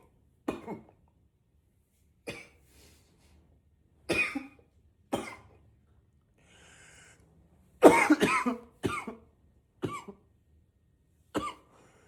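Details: Simulated unstoppable coughing spell, trying to stay quiet by coughing into a pillow: about ten harsh cough bursts, some muffled and some in quick clusters, still loud and powerful.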